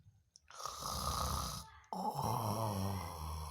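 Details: Sleeping until snoring: loud, rough rattling breaths in and out with a deep fluttering buzz; heavy snoring during sleep.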